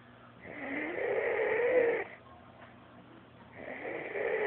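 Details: Two long, rough, vibrating breaths separated by a quiet pause from a sleeping friend; steady snoring during sleep.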